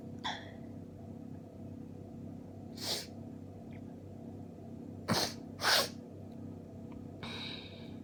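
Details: Run of about four rapid sneezes with sharp breaths between, over steady room hum, from an adult with a common cold caught just before Christmas, lying bundled in bed, feeling tired and weak; a sneezing fit.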